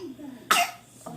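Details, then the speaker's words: A single harsh, wet cough, not croupy, from a sick young child with a runny nose, ill with RSV and another illness; cough. "my god, that sounds horrible. At least it's not the croupy cough right now."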